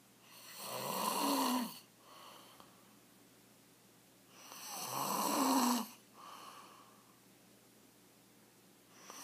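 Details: Husband's heavy snoring, getting progressively worse: loud rumbling snores on each inspiration with softer expiration, about 14 breaths a minute.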